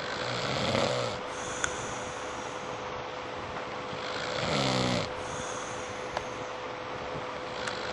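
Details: Adult snoring while asleep at 4 a.m. after a birthday party: two rasping snores several seconds apart over steady room hum and a faint tone.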